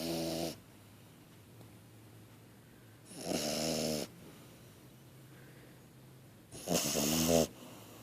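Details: Sleeping 3.5-month-old French Bulldog puppy snoring: three rattling snores with quiet pauses between, about 17 breaths a minute.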